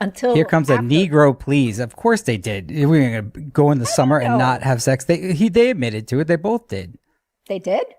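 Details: Adult male speaker, possibly a second voice briefly at the end; ordinary speech.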